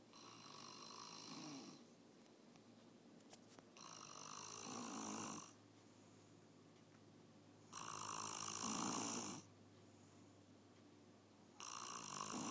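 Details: Father asleep and snoring, recorded while his child did homework: loud, harsh snores on each breath in, about 15 per minute, with quieter pauses between them; snoring.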